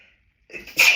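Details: Adult with hay fever, nose intensely tickling on a sunny day, recorded hiding in a toilet cubicle after stifling sneezes; one sharp sneeze after a brief catch of breath, part of a sneezing fit.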